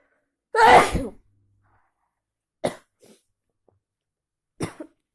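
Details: Three sneezes in an office, one loud full sneeze then two shorter softer ones, attributed to allergies plus a cold.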